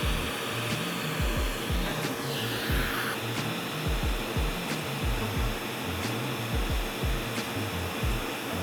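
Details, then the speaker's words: Ablative CO2 laser resurfacing of ice pick, boxcar and linear acne scars in a Fitzpatrick 5–6 patient: steady hissing whoosh of a smoke evacuator with rapid repeated snapping pulses as the laser fires, likened to precise laser dermabrasion. "this is sort of like der raion with the laser yeah oh okay like I'm sanding it down really precisely with the laser"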